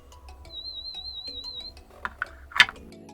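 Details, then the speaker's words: A child practising play audiometry with a listening game, moving a person into a boat on hearing each tone. A brief high-pitched warbling test tone plays over soft background music, followed by clicks and a clatter. "When I hear a sound [BEEP], I have to jump the person in the boat."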